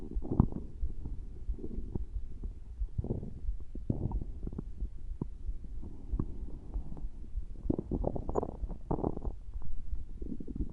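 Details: Infant's stomach growling: low, irregular gurgling and rumbling bursts with soft clicks and squelches over about ten seconds; normal borborygmi (bowel sounds).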